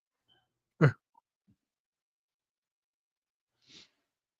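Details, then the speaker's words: Adult sneezing while nauseated and attempting to vomit (sneezes when nauseous): one abrupt, forceful sneeze, then near silence and a faint breathy exhale about three seconds later. "I drank the coffee crap what the hell was that was a sneeze sneeze as I'm attempting to vomit"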